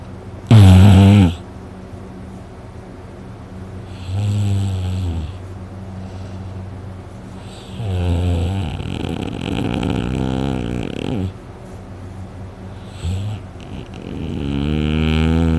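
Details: Person snoring heavily in sleep, very tired after a day of hunting, with a sore throat afterward: deep, loud buzzing snores on breaths in, some long and drawn out, over a low room hum.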